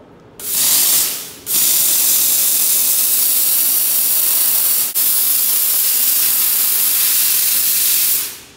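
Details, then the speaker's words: Desktop steam cleaner for dental or jewelry work, its spray gun cleaning an earring: loud continuous hissing bursts of steam, one short then one long with a brief break; steam cleaner spraying. "we can use the spray gun to spray the steam out and also we can use the stem to to knife the fish russell then press the foot pedal to get the steam out"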